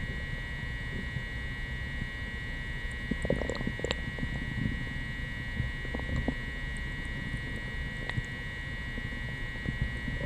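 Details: Self-recorded upset stomach after coffee and prune juice, captured without the mic pressed to the belly: low churning rumbles with scattered brief gurgles and bubbling pops over steady background hum. Loud borborygmi.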